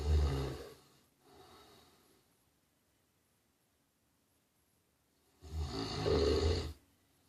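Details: Deep rumbling snores on the in-breath, with a soft breath between and a quiet pause; ordinary snoring during sleep.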